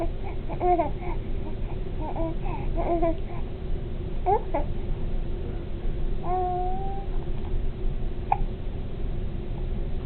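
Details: Infant babbling and giggling, with a few brief, sharp catches of breath between sounds: hiccups.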